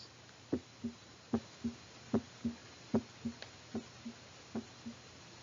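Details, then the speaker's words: Normal heart sounds: steady S1-S2 lub-dub at about 75 beats a minute with clean gaps and no murmur. S1 is tricuspid and mitral valve closure; S2 is pulmonary and aortic valve closure. "if we recall normal heart sounds follow the s1 s2 pattern or lub dub where the s1 sound corresponds to the tricuspid and mitral valves closing while s2 corresponds to the pulmonary and aortic valves closing let's take a listen to a normal heart"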